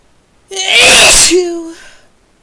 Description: So I found this new spice that really gets me going! These are usually kinda forcefull and desperate.